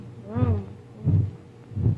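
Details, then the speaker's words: Heart-sound recording used to train doctors, played during an educational demonstration of blood circulation: regular low, rumbly thumps, about 80 a minute, with brief voice overlap; normal heart sounds at the pulmonary area. "And you see over here is a record of the of the heart beating and that's what we're listening to. And this is uh for doctors to train students as to what to expect when they listen to a heart. A heartbeat. It's a recording of a heartbeat."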